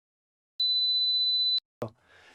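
A steady, very high-pitched pure tone lasting one second, then a brief click and faint hiss: a 4000 Hz test tone.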